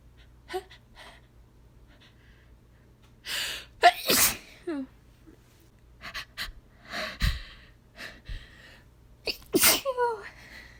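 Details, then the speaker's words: Simulated sneeze from a female roleplay recording (requested "make me sneeze", sneeze stuck all day, nose tickled): gasping build-ups, then two forceful sneezes with soft vocal sounds between them and a low steady hum behind. "Please tickle me the inside. Yeah. Yeah. Just like that. I'm going to You're going to make me You're going to make me cease."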